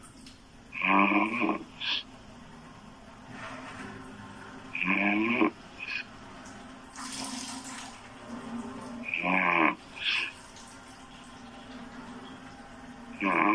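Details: Female loud open-mouth snoring: loud, rough snores about every four seconds, roughly 14 a minute, with quiet breathing between them.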